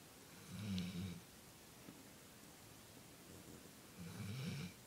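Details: Two low, rattling snores with soft breathing between, in a quiet room, from a dog sleeping exhausted after agility.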